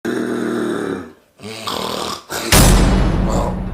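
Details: Snoring: three loud, low, rattling breath sounds, the last the harshest and noisiest, in a small room.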